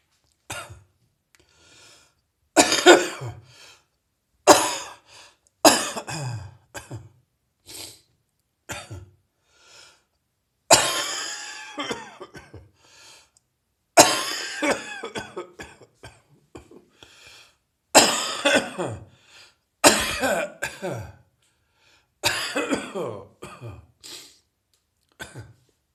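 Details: Adult with a heavy chest cold cough that is getting drier: repeated harsh coughs, some in short clusters.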